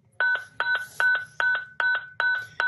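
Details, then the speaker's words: Zoll X Series monitor charging for synchronized cardioversion (protocol 100, 150, then 200 joules) in EMS training: repeating two-part electronic tone, about 2.5 per second, before the shock button lights. "You will then select an appropriate energy setting, and our protocols here at Virtua are to start at 100 joules, and then move up to 150, and finally 200 joules. You will hit the charge button,"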